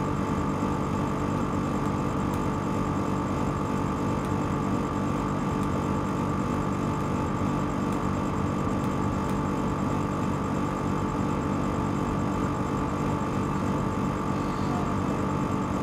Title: ASMR 3D Aerosol with 2 Nebulizers and moonlight for Sleep and Relaxation